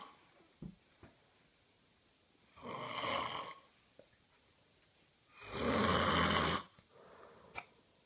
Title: Snoring again